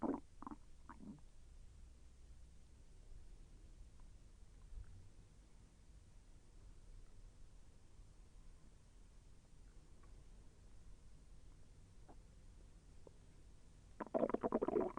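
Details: Soft gurgles and low rumbling over a steady hiss, with a louder gurgle near the end, heard during digestion; the person felt the intestine move with slight pain. Bowel sounds (borborygmi).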